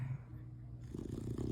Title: Dog Snoring In Its Sleep